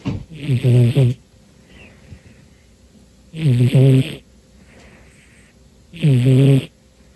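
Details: Cat Romeo in deep sleep on a New Year's Day afternoon, three loud, low, buzzing snores about every three seconds, roughly 23 a minute, with quiet breaths between; he snores most of the time when asleep, especially when very tired: snoring.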